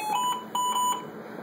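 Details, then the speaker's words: Repeated high electronic alarm tones from a Respironics Esprit mechanical ventilator during a settings demonstration (flow sensitivity, O2 30–40%), sounding because the machine was not turned on or hooked up. "She's I would hear this alarm all day. Oh, God. I didn't turn it on and I didn't hook it up."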